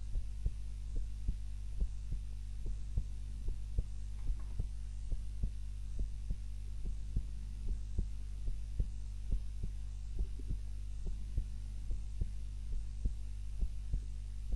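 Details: Heart sounds recorded by timer during a daytime nap, lying on the back rather than the usual face-down: steady low heartbeats about 72 a minute under a constant hum; normal heart sounds.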